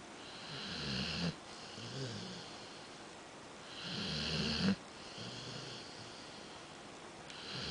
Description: More snoring from my dog